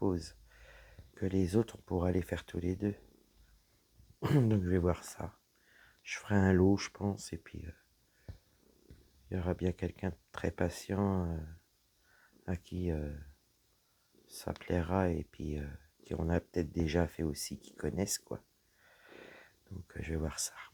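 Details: Woman with dysphonia after a serious health problem damaged her vocal cords; her voice is lower than before, at times weak, and she cannot speak loudly.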